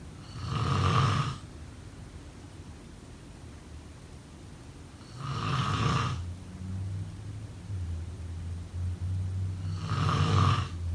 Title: Snoring sound …